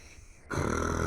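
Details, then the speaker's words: Acted, imitated snoring in a Bengali comedy skit: after a quiet moment, a loud, low, rattling snore starts and carries on while another person complains about the loud snoring. "আজব তো এত নাক ডাকতে পারে মানুষটা চোর দৌড়ে আসবে নাক ডাকানিতে"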